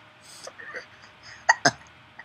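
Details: Baby boy with hiccups: soft voiced sounds, then two sharp, abrupt catches close together; hiccups.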